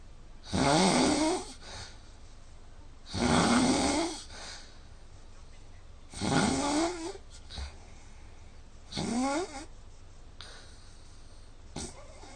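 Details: Heavy habitual snoring recorded with the Snoring Lab app between 5 and 8 a.m. Night's sleep was about 4 hours, with about 3 hours snoring (80%) and a score of 166. Loud, rough snores on each in-breath, about four in twelve seconds, quiet pauses between.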